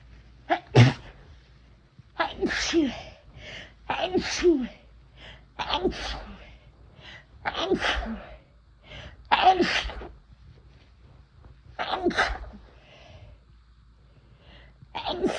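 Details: Person using chhinkni sneezing powder for the first time: about eight forceful induced sneezes in a row, each preceded by a sharp inward breath.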